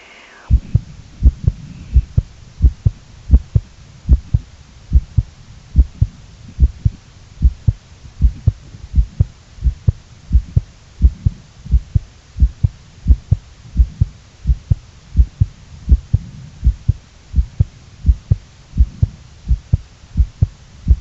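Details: Heartbeat recording: steady, regular paired low thumps at a moderate rate, with a faint low hum underneath.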